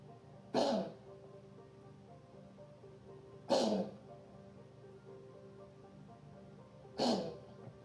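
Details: A cat coughing: three short, harsh cough bursts about three seconds apart over a faint steady background hum.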